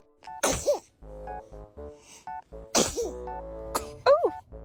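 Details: Several short, sharp sneezes from a child over background music.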